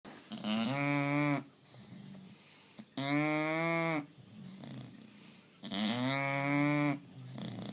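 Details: Sleeping bulldog snoring with a cow-like sound; snoring.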